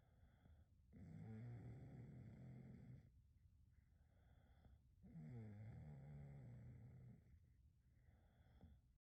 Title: SNORING DOG CAUGHT IN CAMERA#snoring #dogs #dog #dogsoftiktok